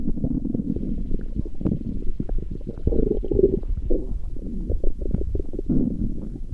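Continuous low gurgling and rumbling with bubbling pops throughout; stomach growling from gas and fluid moving through the gut.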